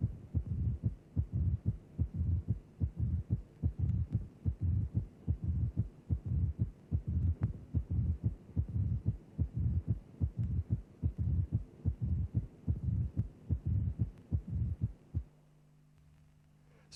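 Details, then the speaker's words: Simulated mitral stenosis at about 73 beats a minute: a low rumbling mid-diastolic murmur separated from both heart sounds, following the left atrial–ventricular pressure gradient while the mitral valve is open. "stenosis of the mitro valve gives rise to a gradient between the left atrial and left ventricular pressures when the mitro valve is open the induced murma follows the gradient"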